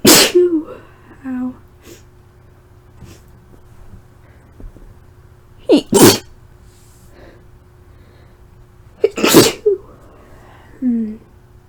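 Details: Two forceful sneezes, each preceded by a short gasping intake, with breathy sighs between; self-induced after hours of cleaning dusty, long-untouched belongings left the nose tickly; irritant sneezing from dust.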